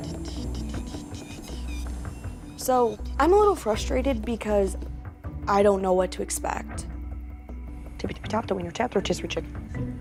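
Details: 21-year-old woman with severe Tourette syndrome and obsessive-compulsive disorder; narration ends with an involuntary swear-word tic; Tourette syndrome vocal tics.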